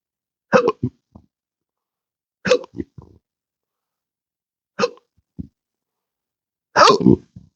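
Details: Intractable hiccups since December 2015 after surgery with nerve damage (pudendal, phrenic, vagus): four abrupt hiccups, each a sharp voiced gulp with small trailing catches, about every two seconds; involuntary diaphragm spasms.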